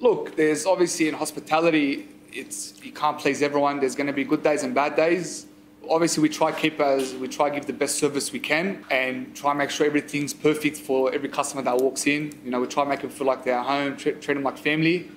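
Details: Adult man speaking; no disorder.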